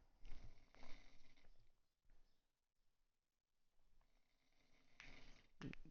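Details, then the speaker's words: Person sleeping nearby snoring: low, rough, rattling breaths rising and fading in a slow rhythm in a quiet room. "And I apologize for the snoring. If y'all can hear the snoring in advance, y'all are probably have to, you know, deal or hear with or hear that [ __ ] the whole video."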